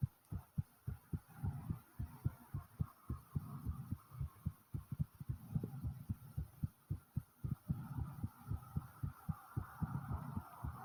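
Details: Heartbeat recorded just after returning from the store: pounding hard and fast, with breathing. Fast, forceful heartbeat after exertion.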